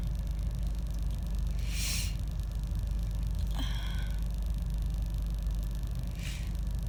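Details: Harsh sneezes from an adult with a cold that is moving to the chest, sneezing in a car after trying to stifle them: a few sharp sneeze bursts over a low engine rumble.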